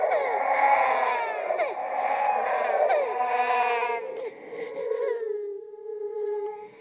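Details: Horror sound-effect track, not a real baby: high, wavering crying with sobbing catches, fading into a whimper; a ghost-baby imitation of an infant cry.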